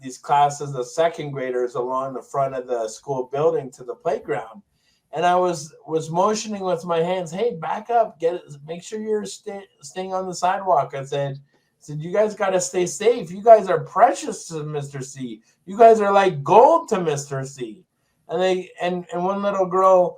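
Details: Adult man with Tourette syndrome who developed a significant acquired stutter after a toxic brain injury in 2000; stuttering.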